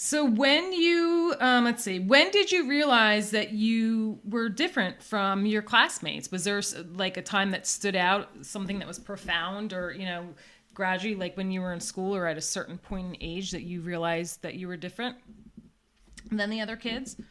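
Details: Adult woman speaking; typical speech.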